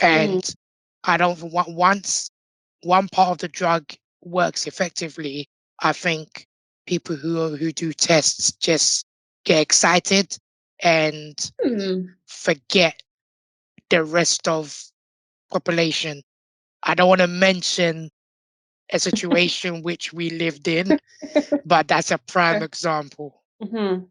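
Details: Tracheostomy voice in an adult man born six months premature with undeveloped airways. He had emergency surgery at birth, spent two years in an incubator and has lived with a tracheostomy tube; prematurity heavily impacted his vocal cords.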